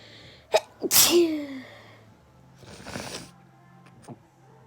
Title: Two Long Awaited Sneezes!